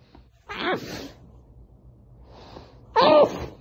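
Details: Two loud sneezes, each preceded by a quick intake of breath, muffled by pressing the face into a towel, with low room hum behind.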